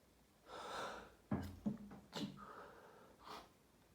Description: Had my daily fit after taking a shower, this time I recorded the second half of the fit for you!